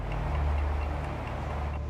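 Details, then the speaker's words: Elephant (Boten) with digestive discomfort refusing to leave his building: deep, continuous low rumbling and gurgling belly sounds, loud borborygmi; keeper judges a mild colic episode, often caused by eating sand. "Voilà, il a le ventre qui gargouille et on voit il a mal au ventre. Donc il est certainement en petite crise de colique."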